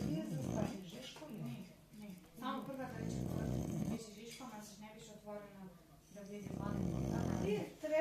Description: An English bulldog is moving his mouth while he is sleeping and dreaming about food .